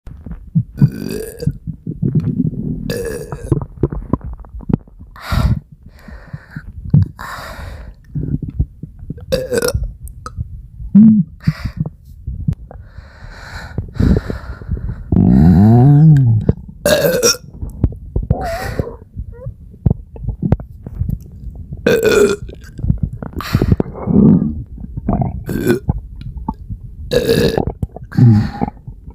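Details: A person with a stomachache gives repeated loud, deep belches, some long and gurgling, at irregular intervals; belching (eructation).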